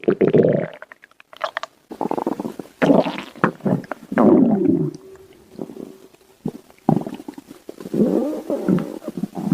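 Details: Stomach growling: loud, long gurgling and rumbling bowel sounds with bubbly, squeaky turns; ordinary borborygmi.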